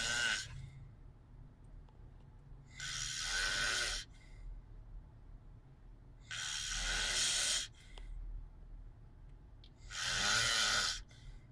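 Loud, harsh, rattling snores recur about every 3.5 seconds, roughly 18 a minute, with quieter breathing between; snoring.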